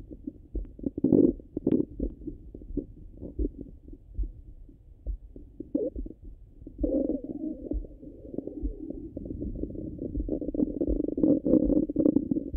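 Frequent low gurgles and rumbles, growing into longer bubbling runs; normal active bowel sounds.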